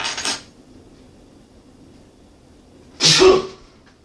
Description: I finally got a recording of myself sneezing! I put some chhinkni on the tip of a key, and inhaled a bit in each nostril.